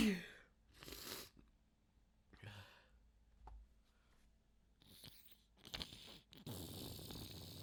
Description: I soaked my shirt, pants, computer keyboard, and mouse with this rapid sneeze fit!